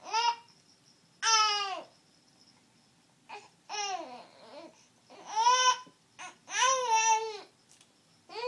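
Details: Baby with hiccups: repeated fussy, whimpering infant cries in rising and falling bursts, in a quiet room.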